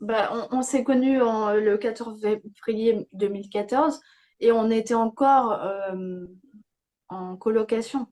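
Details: Young woman with post-stroke aphasia after a stroke at age 22; she reports words no longer coming as quickly as before and having to relearn grammar. Aphasia.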